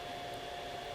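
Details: Steady high-pitched electric hum of a small SolidCLEANER ozone sanitizer running, generating ozone to clean a CPAP mask; CPAP ozone sanitizer running.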